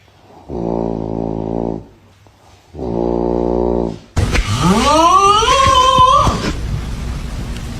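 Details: Snoring during sleep, from a compilation of funny snoring sounds.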